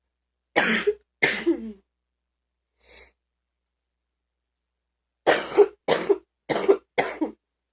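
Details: An adult gives about six deep, harsh morning coughs: a pair, a short pause, then a run of four.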